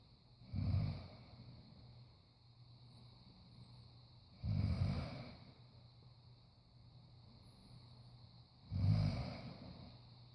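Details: Three low, rough snorting breaths about four seconds apart, roughly 15 a minute; heavy snoring breaths, though possibly heavy breathing.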